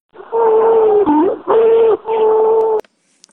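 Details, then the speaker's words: Vocal imitation of stridor in a nursing-student respiratory physical examination lesson on added breath sounds: a few harsh, high-pitched, musical breath-like sounds, as from a narrowed upper airway. "selain itu kita juga mendengarkan apa ada bunyi suara nafas tambahan yaitu nyinyir onci wishing huh tridol"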